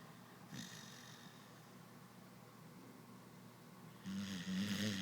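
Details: Sleeping dog: a brief snort, a quiet pause, then a low rattling snore likened to an old man's; snoring.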